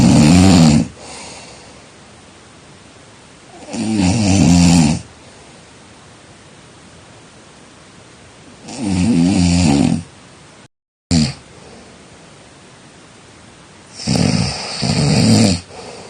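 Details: Loud, harsh, rumbling snores about 14 per minute, each lasting about a second, with quiet gaps between breaths; snoring during sleep.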